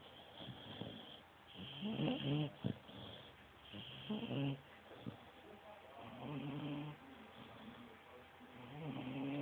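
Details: George snoring: repeated voiced, rumbling snores with quieter gaps between breaths.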